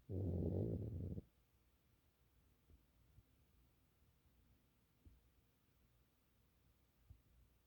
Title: snoring Chihuahua